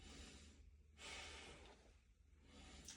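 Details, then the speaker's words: In an adult head-to-toe nursing assessment, a stethoscope over the clothed chest, moved from left to right, picks up soft, even breath sounds over one to two cycles with good air entry bilaterally: no wheeze, crackles or stridor. "So during oscultation I noticed that there's a good air entry bilaterally. There are no advertising there is no crackles and there is absence of any stridal."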